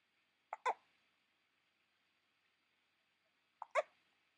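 Two short, sharp hiccups about three seconds apart, each a quick catch followed by a clipped voiced click, in a quiet room.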